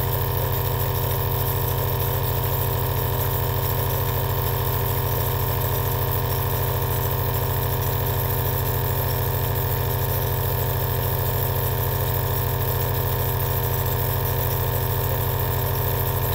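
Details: Loud, steady low hum with fast regular pulsing from an aerosol nebulizer compressor running continuously, recorded as a two-hour relaxing ASMR sleep sound.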